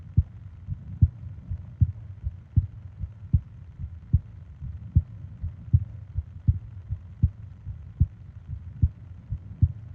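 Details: Steady, low, thumping heartbeat at about 77 beats a minute, from a 20-minute ASMR heartbeat and breathing recording made for falling asleep; a normal heart rhythm.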